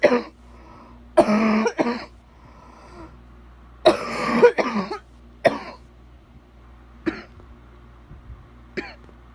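About eight harsh cough bursts in loose clusters, some long and rattly, with quiet gaps between them: a wet, productive-sounding cough.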